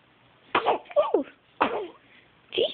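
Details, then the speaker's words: Hiccups: several short, abrupt voiced catches in a quiet room, each a sudden jerky gasp about a second apart. "Whoa, hiccups."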